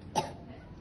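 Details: Voluntary effective-cough exercise by a 21-year-old with two days of productive cough: nurse-guided deep breaths in through the nose and out through the mouth, then a single short, forceful cough to clear sputum.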